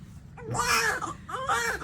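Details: Newborn boy just after vaginal birth at 37 weeks to a 20-year-old first-time mother after a failed epidural: two short, strong wailing cries with quiet room sounds between, around cord cutting.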